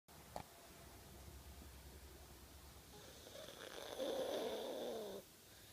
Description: Spanner is my 10yo foxy and snores like a trooper lol